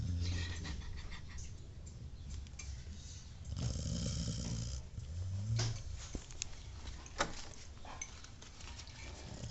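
Low, irregular rumbling breaths with some soft room noise: a dog snoring in its sleep.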